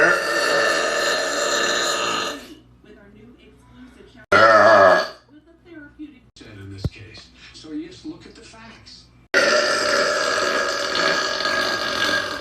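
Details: Compilation of loud, hot, gassy burps: three long, loud, rumbling belches separated by quieter sounds; repeated burping.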